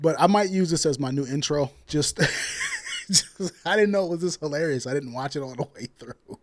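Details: Adult man speaking; Normal speech.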